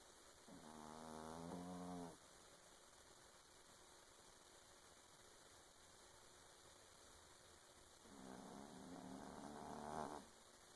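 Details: A pet cat snores while sleeping as the owner works: long, rattling, buzzy breaths several seconds apart over quiet room noise; snoring.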